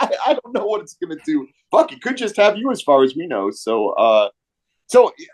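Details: Adult male speaker; Normal speech.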